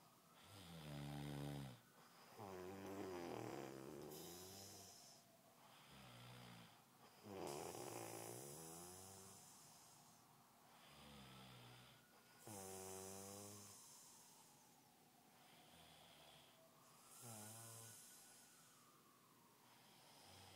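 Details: Loud, rattling snores recurring about every five seconds with a vibrating buzz on each breath during sleep.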